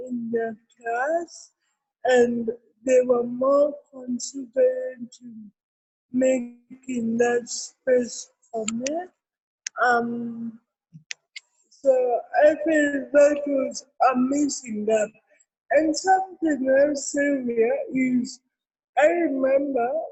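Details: Adult woman with cerebral palsy; dysarthria associated with cerebral palsy.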